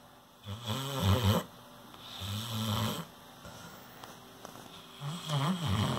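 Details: Saint Bernard puppy snoring: three deep, fluttering snores with quieter breathing between them in a quiet indoor room; snoring.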